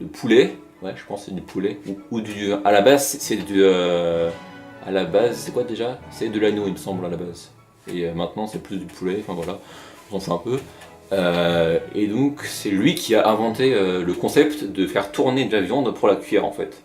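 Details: French-speaking narrator presented as stuttering in action, with word repetitions in narration; stuttering.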